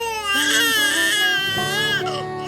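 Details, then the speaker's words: An infant crying loudly and continuously in a high, rising and falling wail during home steam therapy for cough and cold, meant to help inhale vapour and clear phlegm. "biarkan si kecil nangis ya agar lopnya kehirup dan lendir dahaknya bisa keluar"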